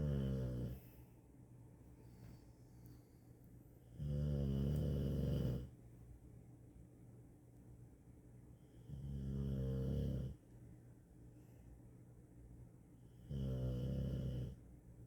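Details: Sleeping dog snoring: loud, rumbling snores on each in-breath about every four to five seconds, with quiet breathing between.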